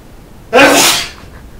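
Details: A single forceful, explosive sneeze with a hissing burst of air trailing off over about half a second. It is part of a man's repeated sneezing fit; he had sneezed 4 or 5 times before filming began and sounds stuffed up.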